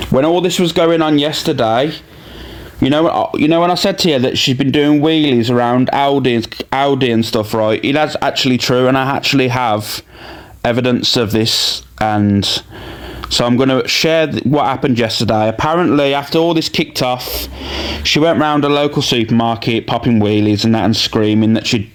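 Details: Adult male speaker; normal speech.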